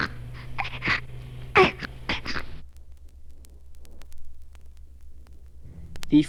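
Wet, snorting nasal noises over an infant's breaths, then a pause and a brief cry, with steady low hum behind; infant snuffles from a blocked nose.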